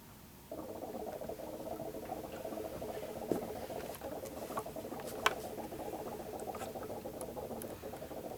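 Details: Simulated lab demo of a wet chest drainage system: continuous fast bubbling in the suction control chamber, still too vigorous after turning suction down; should give slow, gentle, intermittent bubbles.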